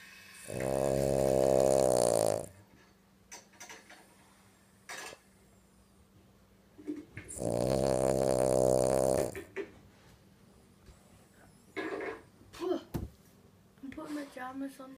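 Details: Sleeping French bulldog: two long, loud, rattling snore-like breaths, then quieter snorts and small noises in a quiet room; snoring.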